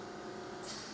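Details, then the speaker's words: Steady oxygen concentrator hum, then a brief rushing whoosh as a finger blocking the humidifier outlet is released for a few seconds, showing oxygen flows through the bubbling humidifier; oxygen concentrator outlet air release. "one of the things we can do is put our fingers right over the top of this outlet for just a few seconds and release it and you should hear a whoosh of air that comes out"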